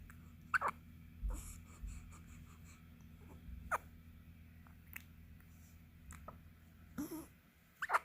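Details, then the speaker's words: 15-day-old baby boy with hiccups: short, sharp hiccup bursts every few seconds over quiet breathing and a low room hum; repeated hiccups. "Has the hiccups. This guy has the hiccups."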